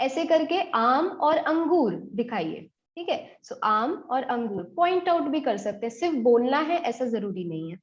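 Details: Adult woman speaking Hindi; normal speech.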